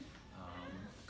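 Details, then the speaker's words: Vocal imitation of a wheeze during a respiratory assessment teaching demonstration: a brief, continuous, high-pitched, whining musical tone, described as common in smokers. "so then we also have the wheeze wheeze is common in a smoky it's a higher pitch sound"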